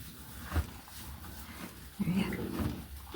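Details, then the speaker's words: Normal gut sounds (borborygmi) from a mare eating at mealtime: low gurgling and growling belly rumbles, audible from across the room. "Her stomach's going gurgle, gurgle, gurgle. Usually I stick my ear to her tummy every day to make sure there's gut sounds in there every day, but today I didn't have to."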